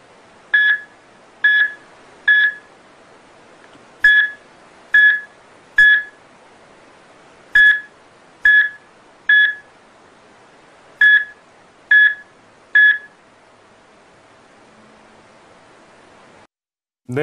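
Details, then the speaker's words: Simulated cardiac monitor sound: bursts of high beeping during ventricular fibrillation, then beeps stop as the heart arrests (asystole), shown as an ECG animation. "이렇게 이제 심장이 가늘게 뛰는이 세동을 하다가 더 이상 심장이 뛰지 않는 그리고 이제 멈추는 과정을 그래프와 소리로 나타낸 그런 영상이 있는데요."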